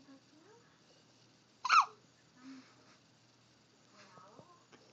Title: The CUTEST baby hiccups!